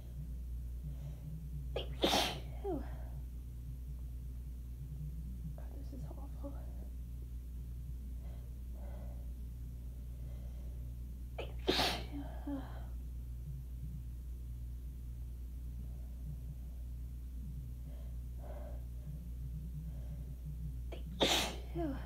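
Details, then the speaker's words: Allergy attack after waking from a nap, with watering eyes: three sneezes spaced several seconds apart, with soft breathing and murmuring between them and a steady low hum behind. "Oh, hold on, I feel it now. Oh, I'm gonna sneeze. Oh, that one let me on. Sneeze again."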